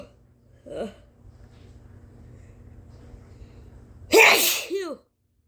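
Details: Deliberately induced sneezes: a short breathy vocal sound, a pause, then one loud, powerful, wet explosive sneeze ending in a voiced trailing cry.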